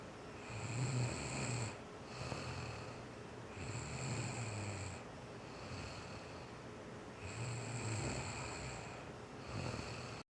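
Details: Female asleep and snoring without knowing it: low, rattling snores on each breath, about 19 breaths a minute, with steady room noise behind.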